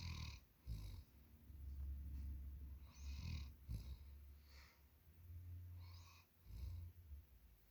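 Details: Deep, rumbling, low-pitched snores with each breath from a German Shepherd dog in deep sleep, rising and falling in regular cycles with faint snuffly noises between.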